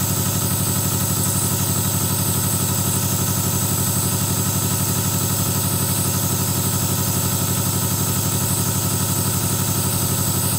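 Steady, rapid mechanical pulsing hum of a nebulizer compressor motor, running continuously without change.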